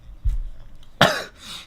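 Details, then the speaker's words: Single sudden explosive burst of air and voice after a brief intake, from a male streamer described as having allergies, during a live stream; sneeze. "Holy [ __ ] My god. Why am I sneezing all of a sudden?"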